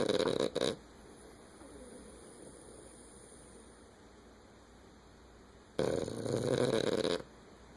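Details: French Bulldog asleep after a long day, snoring contentedly: two harsh, buzzy snoring breaths several seconds apart with quiet stretches between.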